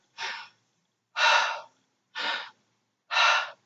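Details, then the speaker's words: Mouth imitation of normal, clear breath sounds as heard with a stethoscope over each lung area: smooth airflow in and out, no crackles, contrasted with the crackles of pneumonia. "a normal sound and that's most likely what it sounds when you put the stethoscope to each area"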